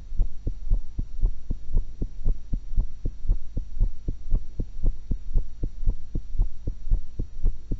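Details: Normal heart sounds recorded with a stethoscope while eating an apple and cucumber: steady, regular, fairly quick heartbeat thumps over a constant hum.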